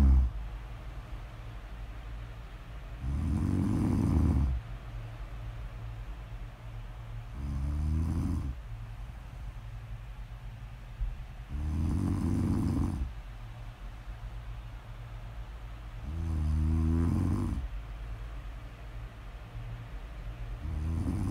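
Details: Snore audio recording: loud, rattling low snores on each in-breath, about 14 breaths a minute, with quieter breathing out between them; ordinary snoring.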